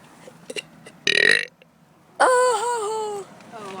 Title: Good Burps and bad burps